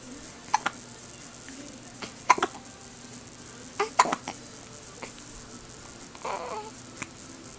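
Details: Lyla with hiccups: soft, abrupt gulping catches recurring at irregular intervals over a quiet background.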